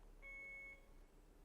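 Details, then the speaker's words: One faint, brief high beep over room hiss: BD Alaris 8100 infusion pump alarm tested at audio adjust volume 1, the lowest, very quiet and not recommended, during training demonstration. "And then you could take it down as low as one, which usually is not recommended. It's very, very quiet."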